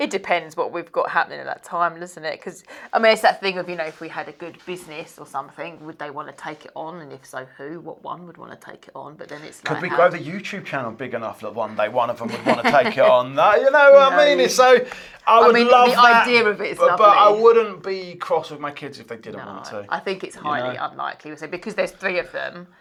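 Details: Adult woman speaking; normal speech.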